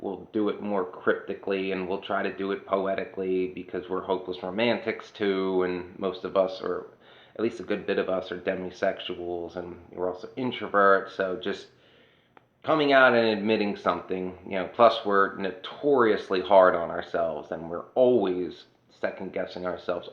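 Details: Adult woman whose voice changed after laryngitis in 2009, unable to sing for over a decade since; low-pitched, creaky voice; dysphonia.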